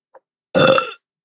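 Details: A single loud voiced belch lasting about half a second after a brief faint sound, from a Korean streamer; ordinary burp.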